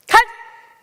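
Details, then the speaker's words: Vocal tic in Tourette syndrome: an 11-year-old girl, diagnosed in 2013 and also having a swearing tic, gives a single abrupt, loud bark-like vocal burst that fades quickly. "last year I started having the swearing tech tip I don't like doing it but I can't stop it either"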